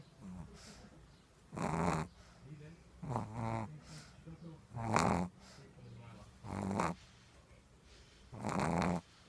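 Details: Pug snoring: loud, rough, snorting snores with softer snuffles between, about five over nine seconds, typical of a flat-faced dog's noisy breathing.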